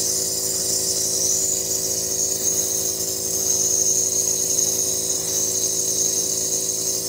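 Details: Steady mechanical hum with hissing airflow from a nebulizer compressor running at night during an inhaled treatment for a person with asthma who is wheezing.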